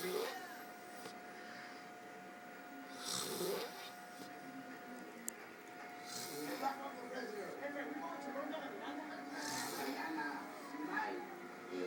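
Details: Soft, irregular snoring and snorting breaths, about 19 a minute, over a steady background hum; snoring.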